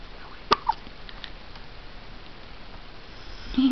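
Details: Two sudden short clicking gulps close together over a steady background hiss from a baby boy with really quiet hiccups; hiccups.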